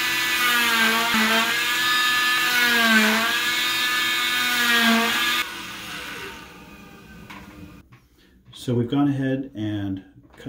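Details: Cast saw with cast vacuum cutting a short leg plaster cast by the in-and-out method, leaving the cotton padding intact: a loud high-pitched whine rising and falling, then winding down, with background music.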